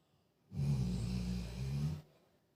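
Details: Female pet dog snoring while asleep: a single long, low, rattling snore on an in-breath in a quiet room.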